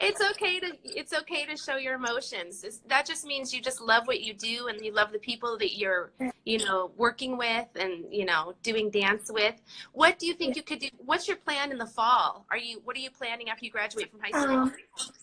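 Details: Adult woman speaking; ordinary speech.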